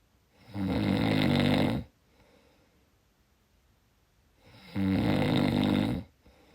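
Two long, loud, rattling snores on breathing in, about four seconds apart with quiet between: steady snoring during sleep.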